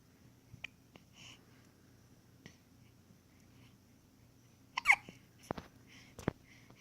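Quiet room with a few brief, abrupt gulping catches spread across several seconds, consistent with hiccups.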